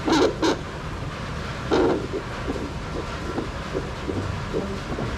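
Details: Soft, fast galloping pulses, about 150 a minute, of a fetal heartbeat heard on a handheld Contec fetal Doppler.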